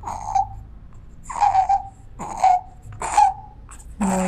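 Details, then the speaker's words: Infant observed without contact before ABCDE assessment: repeated harsh, high-pitched noisy breaths on inspiration, about four in four seconds; inspiratory stridor from a narrowed upper airway, as in laryngotracheitis. "Muy bien, como podemos ver ahí, tiene un ruido inspiratorio que corresponde al estridor."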